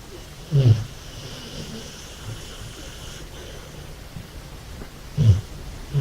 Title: Funny and scary amstaff snoring